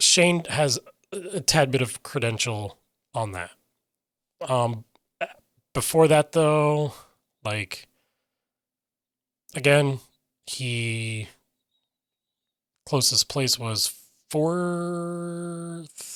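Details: Adult man with self-reported aphasia; aphasia.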